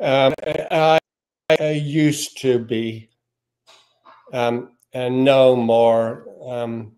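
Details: Man with aphasia, possibly after stroke (stroke websites and one-handed tasks mentioned), reports he no longer gets frustrated when words don't come out; aphasia.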